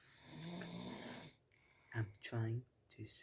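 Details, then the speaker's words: Snoring recorded at night during sleep at 22:10: long low rattling breath followed by rough snorting noises. "He actually snores at night. Here is proof."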